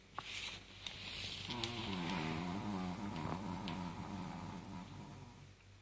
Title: Chihuahua snores